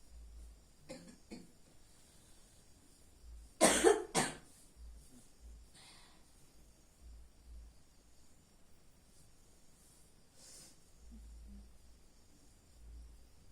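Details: Wife ill with a cough that kept her awake all night: two quick coughs in a quiet room, with a few fainter throat sounds around them.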